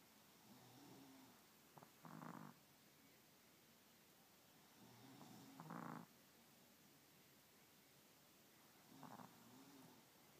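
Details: A sleeping dog starts snoring softly after drifting off to sleep: three rough breath sounds about every 3.5 seconds, with quiet room noise between them.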